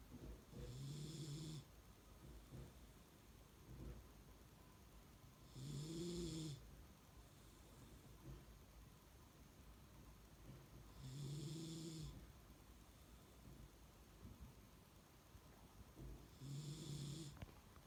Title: Dog snoring